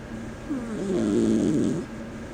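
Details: Sleeping cat snoring: a single drawn-out, wavering, buzzy snore over low room noise; ordinary snoring.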